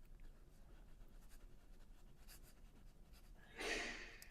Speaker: Oh my. Did you guys hear that? That was my son sneezing.